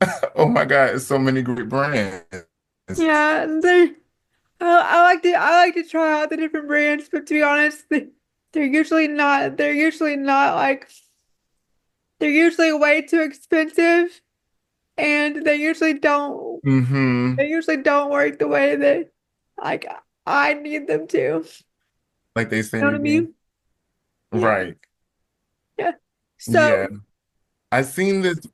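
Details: Dysarthria in a woman with quadriplegic cerebral palsy affecting her whole body, with frequent word and phrase repetitions.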